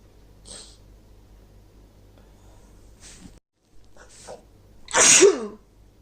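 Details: Female with a cold coming on, sneezing: several soft sniffs and breathy inhalations build up to one loud, explosive, wet sneeze; she reports a rapid hard sneezing fit at the end.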